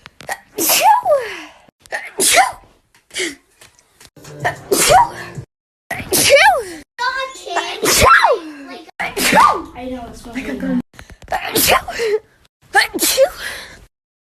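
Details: Natural sneezing compilation: a run of about nine sharp, explosive sneezes in quick succession, each with a brief voiced onset.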